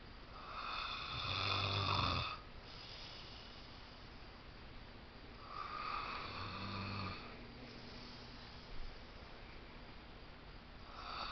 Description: MY FRIEND IS SNORING